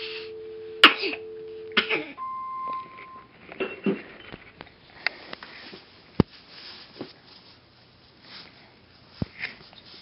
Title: sneezing and coughing